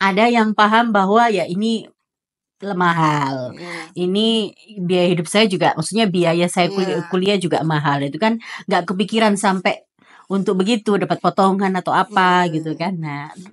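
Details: Adult woman speaking; normal speech.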